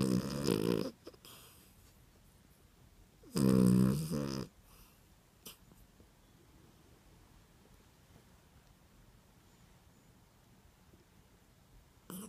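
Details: Rescued 3½-year-old Dorkie (dachshund-Yorkie mix) sleeping with one eye open: two loud rattling snore breaths separated by quiet breathing, then a few faint snuffles; snoring.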